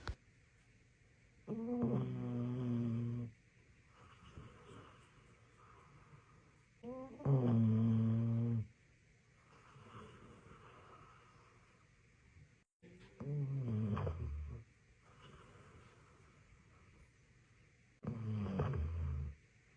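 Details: Deep, droning, groaning snores with quieter breaths between, about every five to six seconds (roughly 10 a minute), from a sleeping Labrador dog; snoring.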